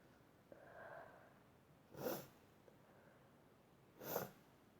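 A soft inhaled build-up followed by two sharp, explosive sneezes about two seconds apart; ordinary sneezing in a quiet room.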